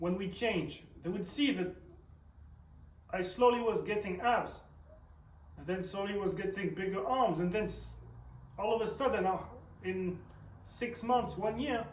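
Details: Man who reports a stutter audible when he speaks, and also tics; stuttering.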